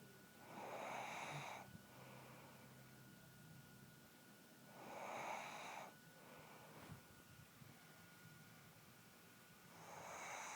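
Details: Adult woman (wife) snoring while asleep: raspy, snorting snores on the in-breath about every four to five seconds, with quiet breathing between; ordinary snoring.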